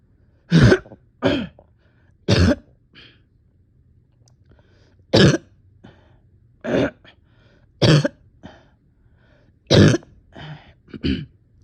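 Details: Person exhausted, with on-and-off chest and stomach pain, coughing: repeated short, harsh coughs with throat-clearing, about eight bursts in twelve seconds in a quiet room.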